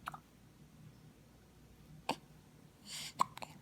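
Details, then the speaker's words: Infant aged 9 weeks 6 days with frequent hiccups, which interrupted her attempts to giggle: soft, brief, sharp catches a few seconds apart in a quiet room. "today mella is nine weeks and six days and she's still getting the hiccups all the time and I like them they're so cute hey baby earlier she was trying to giggle but her hiccups kept interrupting that part made me sad"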